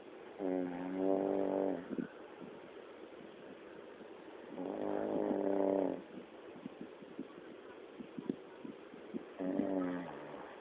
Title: Wife snoring part two